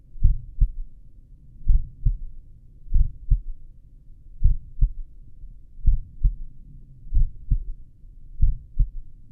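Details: Self-recorded heartbeat at the apex with stethoscope while lying down: clear, regular lub-dub at about 45 beats per minute, no extra sounds; normal heart sounds at a slow rate (bradycardia).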